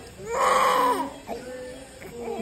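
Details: Newborn baby boy just delivered: a loud, rising wail followed by shorter cries; vigorous newborn cry right after birth.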